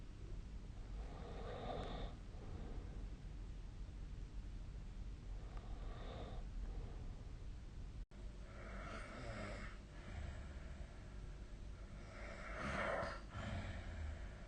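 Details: Snoring during sleep recorded with the SnoreLab phone app: four rough, rattling snores on inhalation separated by quieter breathing over a low steady hum; snoring.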